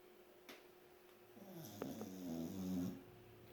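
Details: Snoring sound while awake: a single rattling, throaty snore on a drawn-in breath, with faint room noise.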